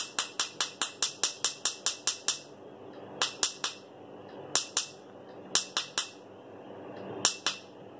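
Sharp snapping clicks in quick bursts, about two a second, with pauses between runs: laser pulses during tattoo removal.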